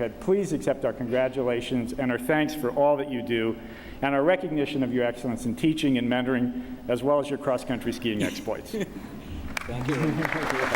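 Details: Adult man speaking; Normal voice.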